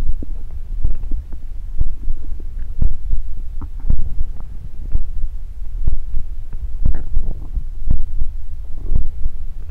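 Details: Close-up recording of own stomach growling: low gurgling rumbles and soft bubbling pops in irregular bursts; bowel sounds (borborygmi).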